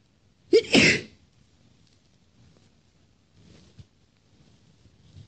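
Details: Female sneezing: a single sharp, explosive sneeze with a quick intake of breath, from a run of six powerful sneezes, some partly stifled; quiet room.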